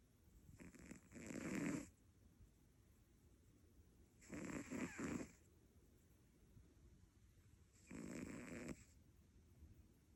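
Three rough, rattling snores on breathing in, about one every three to four seconds, with quiet pauses between them.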